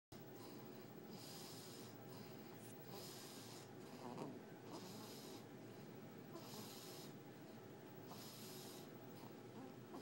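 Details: Incredibly loud snoring from a sleeping baby boy who is being held in someone's arms.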